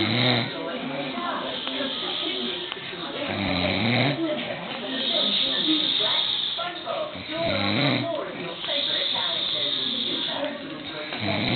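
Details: Snoring in an adult man: loud, continuous, rattling snores with snorting breaths, about 16 a minute; heavy snoring.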